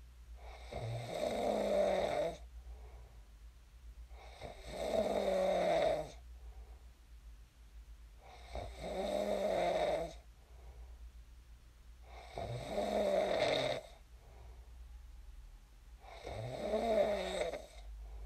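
Five rough, rattling snores on inhalation, about 16 breaths a minute, with quiet exhalations between, in a quiet room: ordinary sleep snoring.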